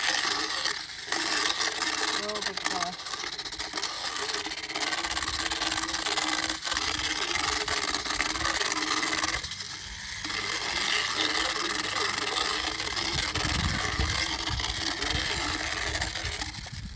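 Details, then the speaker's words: Power float on lower cheek teeth of a 15+ year old mule, last bottom tooth showing a slight hook; continuous motor whine with rough grinding filing down sharp enamel points; motorized equine dental float. "all right now we do the bottoms on that side and I can see back there how they had a little bit of a hook on that very last bottom"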